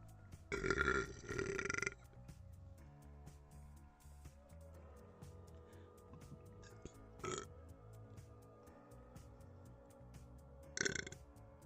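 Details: Several loud, rough burps, one long and drawn out, over quiet background music; belching, burping.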